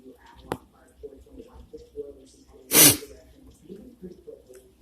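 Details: One loud, explosive sneeze recorded outdoors during a windy storm, over quiet background murmur and gusting wind.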